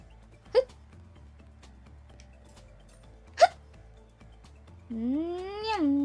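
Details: Two sharp, brief hiccups about three seconds apart from a female streamer, then a playful sliding vocal noise, over soft background music; hiccups.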